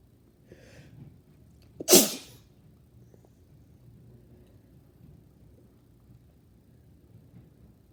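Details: A brief intake of breath, then one forceful, hissing sneeze followed by quiet; a single sneeze.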